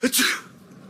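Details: A single short cartoon sneeze from the animated character SpongeBob, who says he has allergies: a quick intake, then a sharp burst; simulated sneeze.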